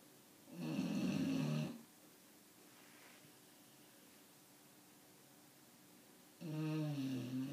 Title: Bulldog Snoring